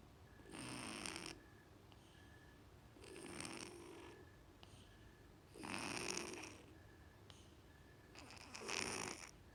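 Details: Sleeping cat, a former stray, with leftover breathing issues from cat flu; soft, airy snores about every three seconds with faint wheezy noise on each breath; snoring.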